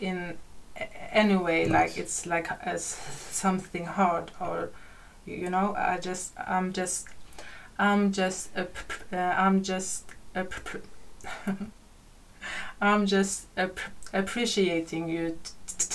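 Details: Adult female podcast guest who stutters, noted to be stuttering much more than usual in this conversation; repetitions of words and part-words; stuttering.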